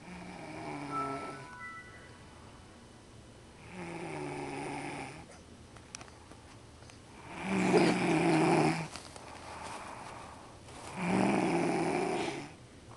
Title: airplaine snore